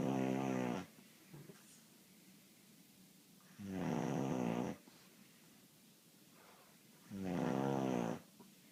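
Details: A male snores with regular, deep, rattling sounds on each breath in, about 17 a minute, with quiet pauses between: ordinary snoring.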